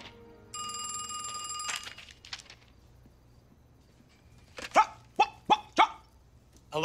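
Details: Acted portrayal in a dramatized film: an adult man with Tourette syndrome, a neurological disorder, producing involuntary barking vocal tics during a phone call.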